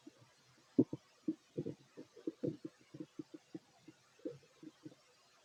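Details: Fit adult male eating a plate of sandwiches: frequent low gurgles and rumbles in quick succession from the stomach during eating and digestion; active bowel sounds.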